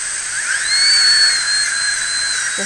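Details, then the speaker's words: A steady hiss rising to a sustained high whistle from dental suction working hard while a child's teeth are cleaned before bonding during a pediatric procedure; a normal equipment sound. "with some water not very much either it's just a whistle"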